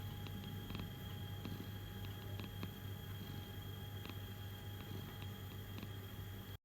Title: My cats snoring and purring while sleeping.